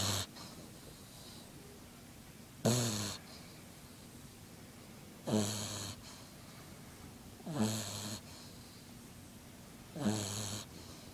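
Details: Sleeping Frengle puppy: regular rattling snores on each breath, about 23 a minute, with quiet pauses between; snoring.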